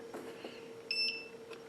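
A short high electronic beep from a shockwave therapy unit as a program is selected, over a steady hum of room noise.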